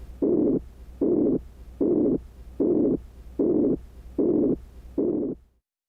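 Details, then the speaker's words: Example of an abdominal bruit, heard by stethoscope with firmer pressure over the aorta, renal, iliac or femoral arteries: rhythmic whooshing swishes with each pulse, about 76 a minute, turbulent arterial flow. Normally no vascular sounds are heard. "You should hear no vascular sounds. If present, a brewy sounds like this."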